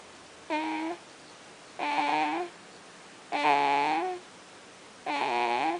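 Four drawn-out, voiced fussing cries at even intervals, each under a second long; a mild infant cry.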